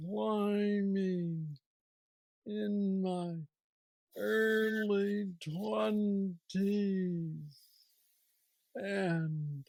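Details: 46-year-old man with Parkinson's disease diagnosed at 35, about 11 years ago, which he describes as the most aggressive form, with mobility struggles and a deep brain neurostimulator implant; real patient; hypokinetic dysarthria (Parkinsonian speech).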